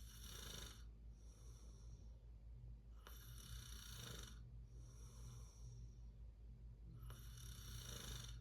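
Rhythmic rough snoring on each breath in, about three breaths in eight seconds, with quieter breaths out between.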